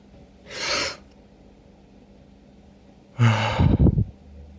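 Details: Person with a cold, sneezing and sniffling all day, irritated nose after a shower: a sharp inward breath, then an explosive sneeze with a brief snorting burst; sneezing fit with nose blowing.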